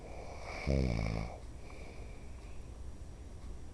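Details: Father snoring, which he denies: one deep, rattling snore on a breath in, then quieter breathing amid room noise.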